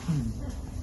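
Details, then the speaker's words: Upper airway noise from a larynx obstructed by granulation tissue: a brief low, cooing, pigeon-like tonal sound over soft rumbling. "En el fondo estaba completamente paralizado. Ya la sospecha por raza, por edad, por signo fue siempre parálisis laringa."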